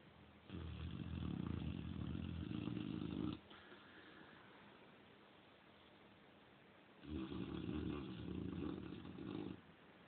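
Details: Female Cane Corso dog snoring loudly, as she does almost every night: two long, loud, rumbling snores on in-breaths with a quiet pause between.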